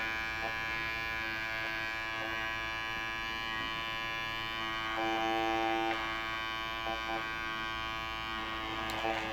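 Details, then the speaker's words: Steady electric buzz of a microneedling pen with small tone changes as it passes over the cheek and jaw area. It opens micro-channels for serum to reduce redness from healed acne, during an acne and keratosis pilaris facial. "so this pin is going to open up little small micro channels to where it's going to allow my serum which I just put on the blue drain to go deep inside"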